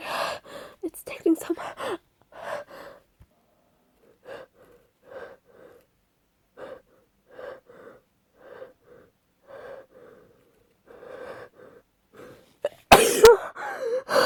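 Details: Adult woman with a cold: repeated short catching inhalations building over several seconds before a loud sneeze burst near the end.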